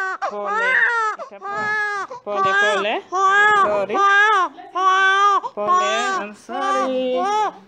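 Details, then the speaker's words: Male infant crying after his six-week vaccination injection at a government hospital: loud, rhythmic wails with brief gasps between; he cried less than expected. Infant cry. "I was fearing so much but he didn't cry as much as I thought"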